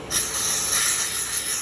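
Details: Steady hiss of airflow starting abruptly and continuing without pause from the nebulizer compressor outlet of an Oxymed 10 LPM dual-outlet oxygen concentrator.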